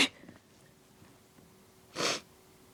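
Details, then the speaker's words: Woman's self-induced allergy sneezes growing stronger and messy; a sharp breathy burst, then a second forceful sneeze about two seconds later in a quiet room. "I'm gonna sneeze. Oh, they're so messy. Here comes another one. They're getting stronger."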